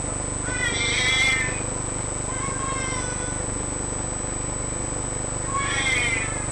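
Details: 2-month-old baby with failure to thrive: high-pitched, squeaky noises on breathing in, inspiratory stridor.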